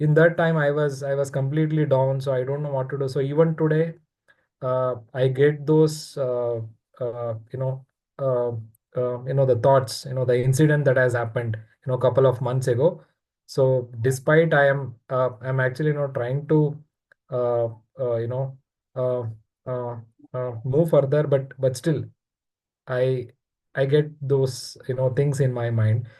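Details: Adult participant in a stammering support session describing his attempts to join the Air Force and Navy in 2001–2002; stuttering.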